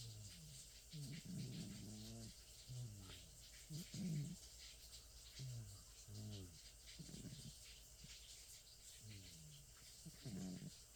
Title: Sabre the 27 year old cat snoring and twitching in his sleep.